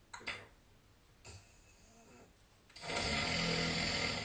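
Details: Snoring during sleep, recorded overnight with the SnoreLab snoring app: rough, rattling breath noise building into a loud sustained snore, preceded by quieter softer breaths.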